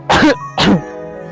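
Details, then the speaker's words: An adult acts out a tuberculosis cough: two harsh, wet-sounding cough bursts over soft music, simulating a prolonged cough lasting over two weeks. "Awalnya batu biasa, demam, lanjut batu bedak lebih 2 minggu. Kadang sampai batuk berdarak kayak itu tuh."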